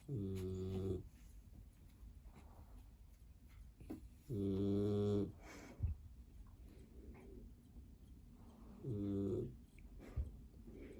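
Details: Snoring in a sleeping chubby borzoi puppy about 7 weeks old: three slow, loud, buzzing snores with quiet breathing between, about one every four seconds; ordinary snoring.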